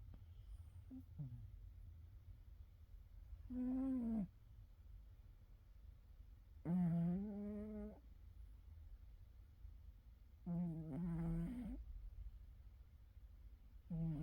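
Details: Loudly snoring animal in deep sleep (cat emojis used): slow, tonal, humming snores about every three to four seconds over low room hum.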